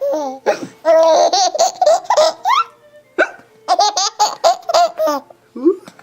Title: Crazy Hiccup Laughing